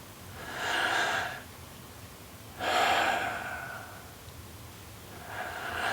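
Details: Adult demonstrating respiratory-therapy airway clearing: slow, deep, airy abdominal-to-chest breaths with long quiet pauses between; normal breathing.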